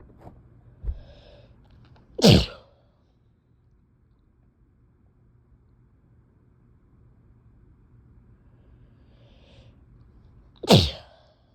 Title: Very wet sneezes